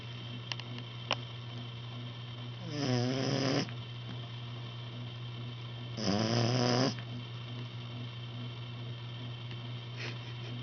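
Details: Boxer puppy, 8 weeks old, sleeping: two rough, fluttering snores on breathing in separated by a quiet pause.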